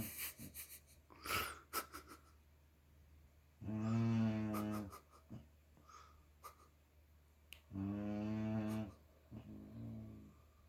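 Slow, noisy, voiced snoring breaths from a sleeping dog, about 14 a minute, with some snuffling in between.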